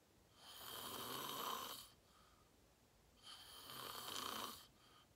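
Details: Self-recorded sleep video, fell asleep at 8:45 in deep REM sleep, tagged sleep apnea: two long harsh rattling breath sounds with quiet pauses between; loud snoring.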